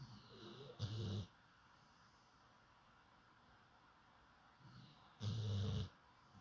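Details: Sleeping dog snoring: two deep, rattling snores on the in-breath about four seconds apart, with soft noisy breathing between them.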